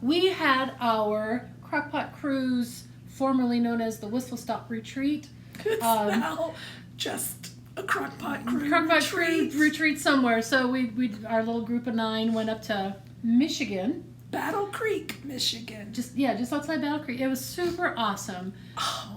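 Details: Adult woman speaking; normal speech.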